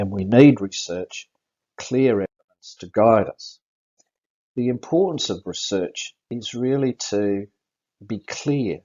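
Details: Adult stroke survivor with post-stroke aphasia, about six post-stroke seizures (last one five weeks earlier), driving licence revoked; neurologist states the aphasia is audible; aphasia.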